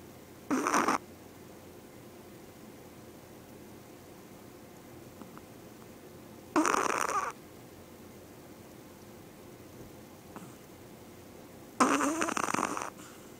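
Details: Small Yorkie dog snoring very loudly while asleep: three short, raspy snorting snores about five to six seconds apart, quiet room between; snoring.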